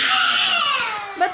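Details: A loud, high, sustained wail that falls in pitch and ends in a brief catch: a baby's cry.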